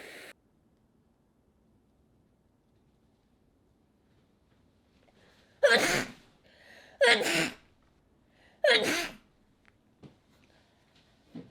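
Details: Sneezing by a model, sample clip of a sneezing video. Sneeze.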